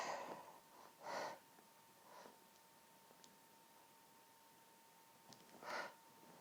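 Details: Repeated sneezing fit: several soft, breathy sneeze bursts a few seconds apart over quiet room hum, part of a run of sneezes.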